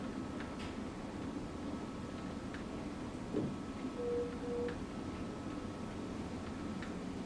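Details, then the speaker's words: Infusion pump giving tPA for stroke, signalling the end of a 5 mL one-minute bolus before switching to a 45 mL/hour continuous rate: a short pair of mid-pitched electronic beeps over room noise. "so our bolus is done and now it's kicking over to our rate and telling us that our volume to be infused now is 45 which is correct"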